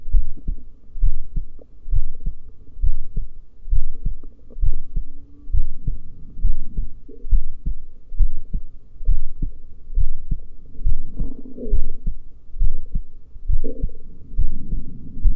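Regular heartbeat at about 67 beats a minute, each beat a soft double thump, with a low background hum.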